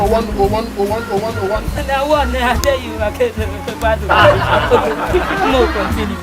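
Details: Adult speaker, comedic acting; stuttering (acted).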